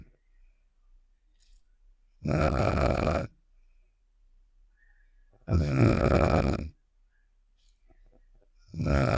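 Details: Snoring sound effect of the cartoon character Star from Save The Shapes (simulated): loud, rough snores of about one second each, roughly every three seconds, with quiet gaps between.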